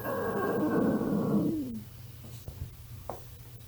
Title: loud and hungry stomach growling